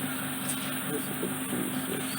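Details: Steady rushing hiss with a low hum from a large suction probe clearing the last of impacted ear wax from the ear canal of a 7-year-old girl.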